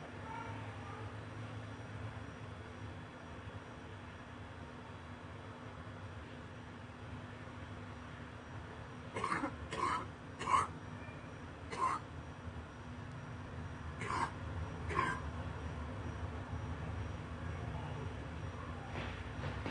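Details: About six short, loose-sounding coughs in two clusters after a long quiet stretch, from a compilation of found clips: a wet cough.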